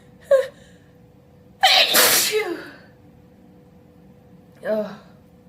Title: Loud sneezing